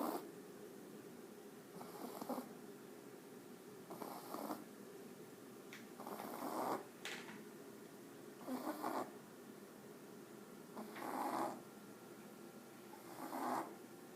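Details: Jack Russell puppy with inspiratory stridor of the upper airway, only while sleeping (no trouble awake, running or playing); rhythmic, rough snoring noise from nose or throat with each breath in.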